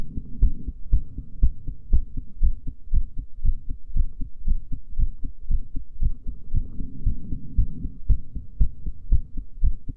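Regular deep thudding heartbeat with paired sounds, roughly 118 beats a minute, fast, recorded after breath holding.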